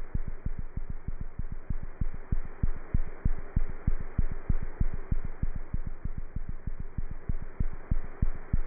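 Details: A cat's heartbeat heard through a stethoscope: rapid, steady low thumps at about 190 beats a minute over a faint hum.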